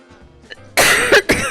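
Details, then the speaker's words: Two harsh cough bursts from an adult with a cold, after a quiet start, with faint background music. "I'm so sorry, I'm coughing in your ear."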